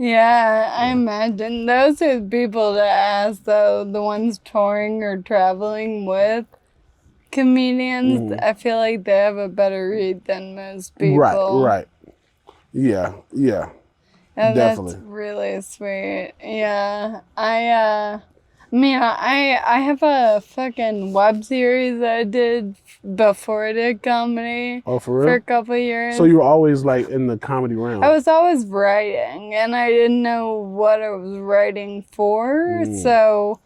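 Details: Ataxic dysarthria in a 28-year-old woman with Friedreich's ataxia, a progressive genetic disease. Speech and gait problems were noticed around age 15, with diagnosis at 18 about 10 years ago. She uses a wheelchair and takes Skyclarys to slow progression.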